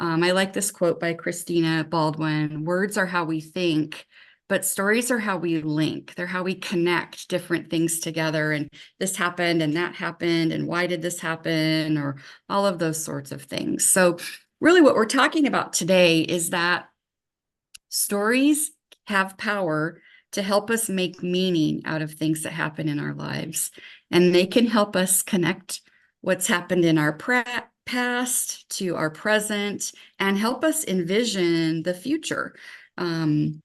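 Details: Adult woman speaking; normal speech.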